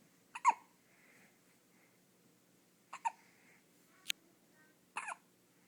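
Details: Ten-day-old baby girl with hiccups: four abrupt hiccups, most doubled into quick paired catches, spaced a second or more apart in a quiet room.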